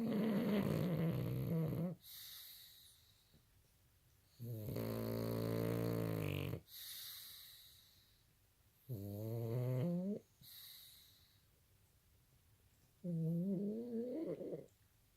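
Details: Sleeping dog, said to be dreaming: slow, drawn-out buzzing snores with quiet breathing between, about four breaths in fifteen seconds; ordinary snoring.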